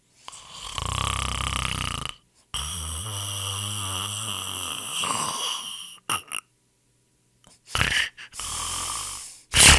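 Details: Snoring sound effect: loud, rough rattling snores recurring with quiet gaps, typical of airway vibration during sleep.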